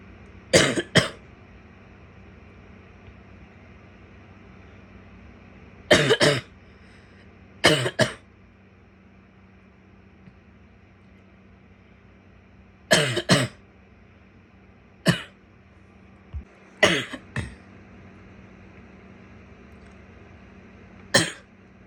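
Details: An adult woman gives about a dozen harsh coughs, mostly in pairs, some wet and some barky.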